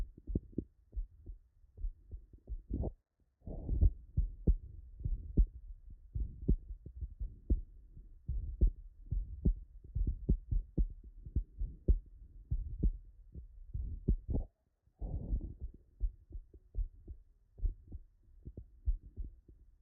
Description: Digital Auscultation of a Double Metallic Valve following Metallic Aortic and Metallic Mitral Valve Replacements